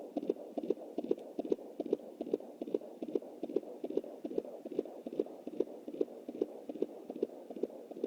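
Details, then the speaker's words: Fetal heartbeat at 20 weeks 7 days on handheld Doppler, anterior placenta: fast, regular whooshing thumps like a galloping horse, about 146 per minute, distinct from the mother's heartbeat of 93 and placental noise. "Definitely has to sound like a horse galloping. That's the baby."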